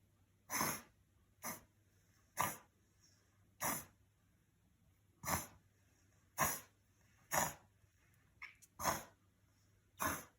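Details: Dog making repeated sharp, noisy snorting breaths in a run of about ten bursts, said not to be an emergency: a reverse sneezing episode.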